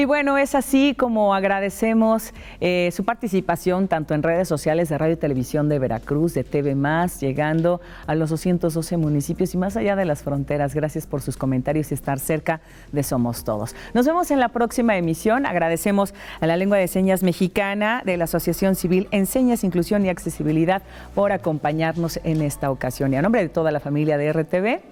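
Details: Adult female speaker; ordinary speech.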